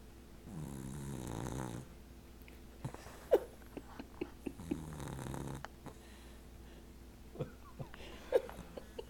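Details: 18-week-old American Cocker Spaniel puppy asleep and dreaming: two soft, buzzing snores about four seconds apart, with small clicks and rustles between them in a quiet room; snoring.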